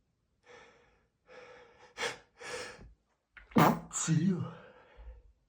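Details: Adult male stifled sneezes triggered by dust while cleaning: breathy catching inhalations build to a few short, muffled sneeze bursts held back in the throat.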